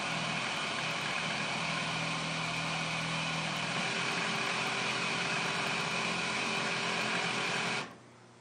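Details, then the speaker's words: Newport HT70 Plus ventilator two-step circuit check with the patient end occluded, then opened: loud steady rushing airflow with a faint hum, cutting off abruptly; the check passed. Ventilator circuit check. "And you're going to hit circuit check. It's a two-step check, so the first one tells you occlude the patient end and press accept."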